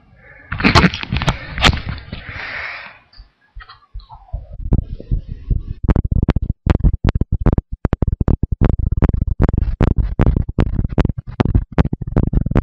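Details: Normal heartbeat recorded with a visible microphone: after handling noise, quick sharp thumps in pairs at a steady rate of roughly 75–80 beats a minute.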